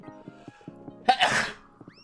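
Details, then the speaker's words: VTuber sneeze from a livestream highlight clip, after saying they're about to sneeze: one sharp, explosive burst of air over steady background music; sneezing. "Sorry, wait. I'm about to sneeze."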